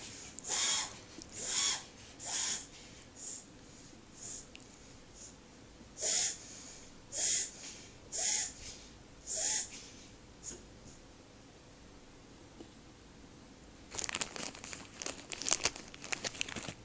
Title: Pamkin cough